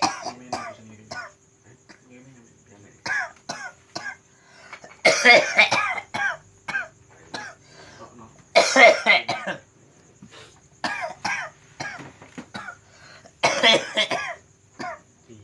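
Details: Man with a cough attributed to supernatural disturbance, filmed during nerve-pressure (totok saraf) therapy: about three loud, rough coughing bursts interrupting talk and room noises.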